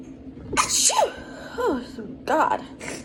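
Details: Morning sneezes during breakfast, speaker blaming cats and dust: two sneezes, each a sharp voiced burst with a drawn-out cry, brief vocal sounds between.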